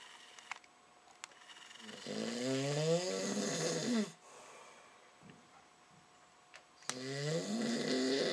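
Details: Snoring: loud, rough, fluttering snores on the in-breath, about two seconds each, with quiet pauses between; typical snoring.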